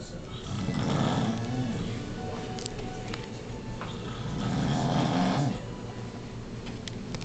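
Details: Two loud, rough, low snoring breaths about four seconds apart, faint music in background, from a person who denies snoring; snoring.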